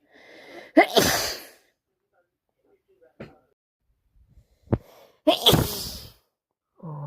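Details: Hay fever allergy sneezing with itchy, runny nose and watery eyes, not a cold: two loud, explosive sneezes, each preceded by a sharp inhalation.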